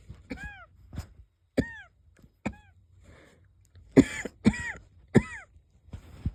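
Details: About eight light, short wheezy coughs with a faint whistling edge; the person is unsure whether it is a cold or an asthma flare-up.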